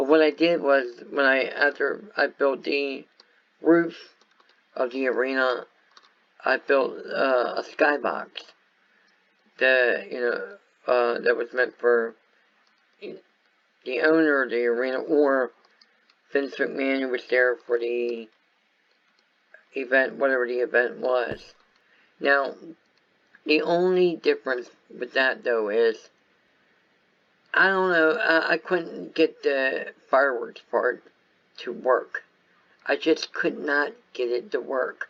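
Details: Speech impairment in an adult man caused by viral meningitis with a very high fever at about six weeks old, which also affected his walking, eyesight and hearing.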